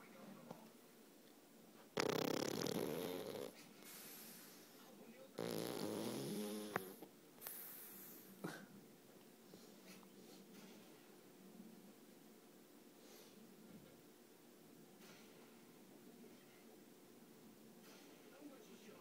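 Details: Sleeping pug snoring very loudly: two long, loud, rattling snores, then quieter snuffling breaths; snoring.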